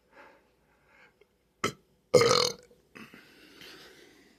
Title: Burps per request 7-2-26